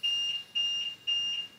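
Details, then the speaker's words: Vela ventilator high-priority alarm: status bar red, quickly repeating high-pitched electronic tones cycling fast. "for a high-priority lock the status bar is red the icon and audible tones cycle quickly"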